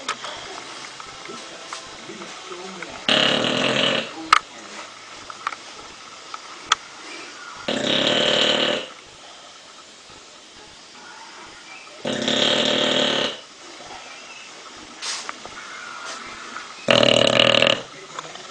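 Four long, rough, rattling snores at steady intervals, about thirteen breaths a minute, with quiet breathing between. Snoring during sleep.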